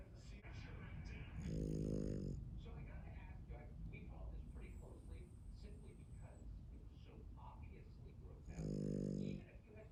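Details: Yorkshire Terrier snoring while lying against its owner: two low, buzzing snores over steady room noise and faint background sounds.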